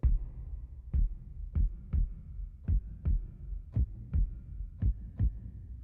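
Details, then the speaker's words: Synthetic heartbeat sound effect made with the Serum software synthesizer in Logic Pro X, low-pass filtered to sound enclosed in a chest: deep, muffled lub-dub thumps at about 56 per minute; not a real heart. "so we activate our filter and here we need to make some slight adjustments to make it sound as a our heartbeat we're gonna cut it a lot and that would be it"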